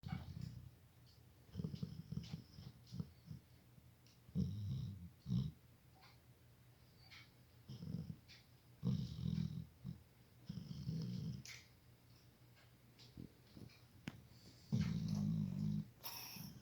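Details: Sleeping 62 kg dog with low rumbling, rattly breaths recurring every few seconds and quiet gaps between; snoring.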